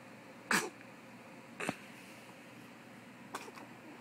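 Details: Six-week-old sneezing: three short, sharp sneezes in quick succession against quiet room noise.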